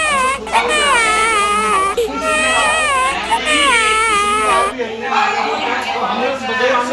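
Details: Infant crying while sitting on an elephant: continuous long, wavering wails with brief catches for breath.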